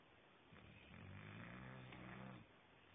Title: Dexter the Englishbull dog snoring away on a THU afternoon